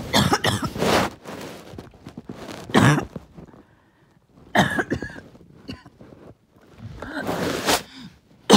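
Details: First coughing fit of the day, with mucus that would not come up; repeated harsh, wet, rattly coughing bursts with throat clearing.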